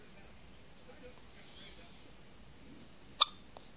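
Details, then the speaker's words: Newborn baby girl in the morning: one sharp, brief catch of breath, then a smaller one in a quiet room; infant hiccups. "baby girl you got the hiccups hmm yeah I know"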